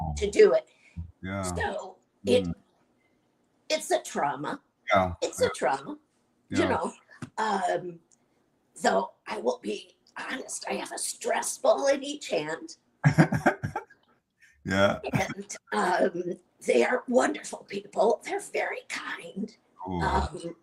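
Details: Adult woman with chronic dysphonia treated with Botox injections to the vocal cords every three months, speaking; dysphonia.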